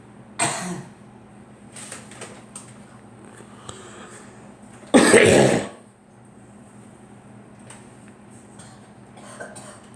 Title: Girl coughing